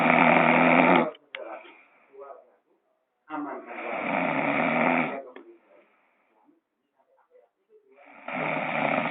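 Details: Heavy snoring in a duet with a gecko: long, loud rasping snores, about 15 a minute, separated by quiet pauses.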